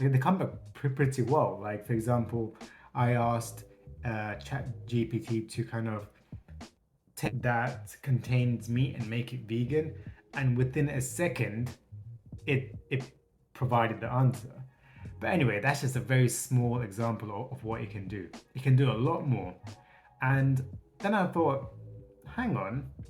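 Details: Stuttering in an adult man who states he has a stutter.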